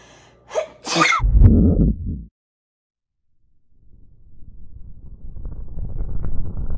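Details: Girl with allergies: a quick in-breath and one explosive sneeze, cut into an added loud explosion sound effect, then silence and a rising rumble; sneezing.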